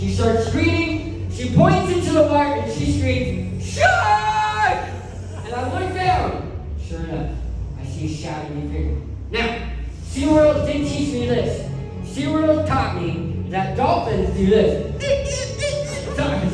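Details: Adult man who lost 80% of his tongue to cancer, with a permanent articulation disorder after partial glossectomy.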